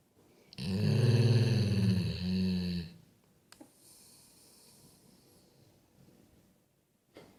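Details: Sleeping Golden Retriever snoring: one loud, rough, fluttering snore lasting about two seconds, then quiet breathing in a small room.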